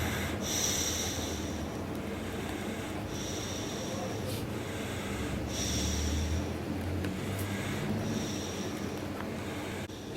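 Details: Repeated short, noisy snorting breaths with a rasping hiss over steady room noise, no voice; adult laryngectomy patient with throat cancer breathing through a neck stoma, communicates by writing; tracheostomy stoma breathing.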